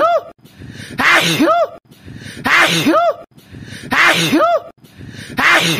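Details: Four sneezes, each a quick rising intake followed by an explosive burst, repeating in an identical loop.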